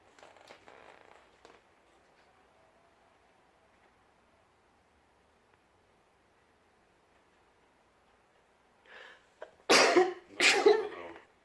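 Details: A person's sneezes that make a kitten run away in fright: quiet room, then a short indrawn breath and two loud explosive sneezes.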